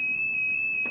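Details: Steady, piercing high-pitched alarm tone sounds as a public defibrillator cabinet at a metro station is opened; the defibrillator then gives voice instructions for use on an unresponsive patient.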